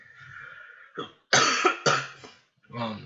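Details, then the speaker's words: A short run of three or four harsh, explosive coughs from an adult who says they are sick with coughing and sniffling, with a faint room hum before them. "Excuse me, I'm so sick, so you can hear coughing and sniffling from time to time, so I do apologize."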